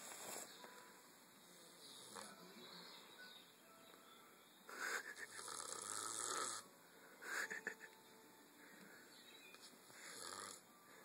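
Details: A sleeping pet, filmed on a phone at night and later woken, snores: rough, rattling snores on the in-breath, about three over ten seconds, over steady background hiss; snoring during sleep.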